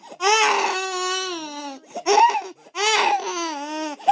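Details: Loud, high-pitched infant crying in long wailing bursts separated by brief breaths; sound effect.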